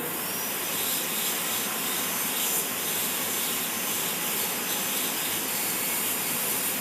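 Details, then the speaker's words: All-ceramic crown preparation demo with air rotor, further incisal reduction toward 2 mm clearance: steady high-pitched whirring hiss of a dental drill cutting tooth. Dental drill. "Since we are doing an ideal preparation, we'll go back with incision reduction further. Okay, again I'll start off with incision reduction."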